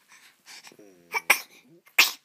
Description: A bitty baby sneeze.